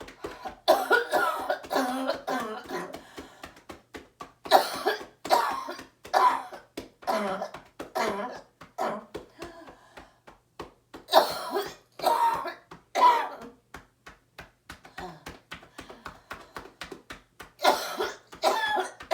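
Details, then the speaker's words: Adult female surgeon on day 23 of COVID-19 with right lung pneumonia: repeated wet productive coughs over rhythmic chest percussion with postural drainage, coughing on exhale to loosen phlegm. "if I'm having a hard time coughing it out I just keep coughing out and coughing out and coughing out and coughing out as I exhale out on to my last little breath okay and then I take a deep breath in and that somehow gets it loose enough to be able to cough something out"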